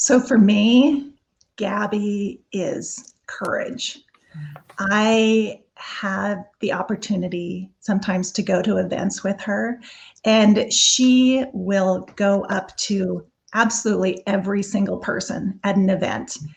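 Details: Adult woman speaking; normal speech.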